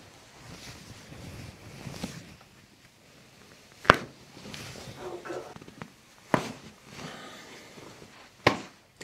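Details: Chiropractic neck adjustment during an ASMR chiropractic compilation: three sharp, loud joint cavitation cracks a few seconds apart, with soft room noise and quiet speech, after the patient is told to relax head and shoulders.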